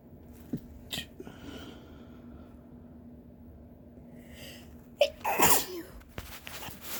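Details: Deliberately self-induced sneeze, made on purpose; voluntary sneeze.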